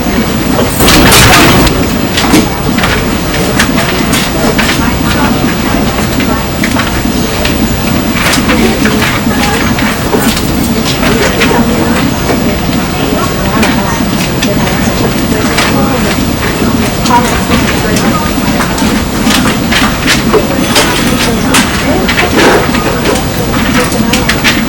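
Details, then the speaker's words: Simulated hyperacusis and tinnitus: harsh, uncomfortably loud train-like clatter with sharp cracks and a constant high ringing. "the following is a simulation of what it's like to have hyper cusis and tinitus"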